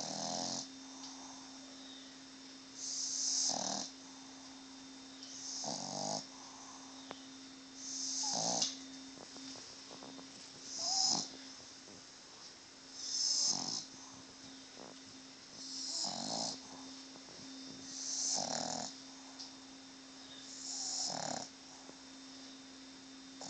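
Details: Boston Terrier dog asleep, snoring loudly in hissing, snorty bursts every two to three seconds.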